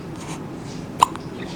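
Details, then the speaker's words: Baby girl with hiccups just after feeding on breast milk and formula, thought due to draining the formula fast: one brief, sharp hiccup click over steady room noise. "now she's got the hiccups because she drains the formula so fast"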